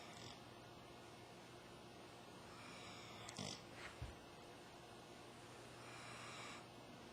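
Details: A sleeping pit bull–type dog (pigbull) breathes noisily while dreaming, with soft snores and a couple of short snorts in a quiet room: snoring.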